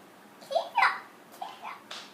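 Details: Vocalizations of a 1-year-old boy with cochlear implants during play with his mother.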